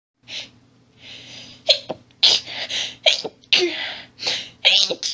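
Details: Female, stifled sneezing with heavy build-up and hitching: rapid run of about eight stifled, hissing sneezes with hitching breaths between, feeling barely able to get air; stifled sneezing fit.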